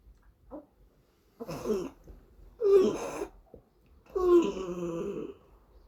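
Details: 12-year-old child with whooping cough: three strained, drawn-out coughing bursts with a high crowing whoop-like tone; pertussis cough.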